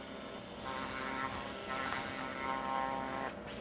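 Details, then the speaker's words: Steady motorized buzzing and hum of an arthroscopic shaver removing the anterior acromion during subacromial decompression of the shoulder, releasing the coracoacromial ligament. "at this point as I do my decompression and remove this anterior chromium really pretty much by definition we're going to release the core chromal ligament"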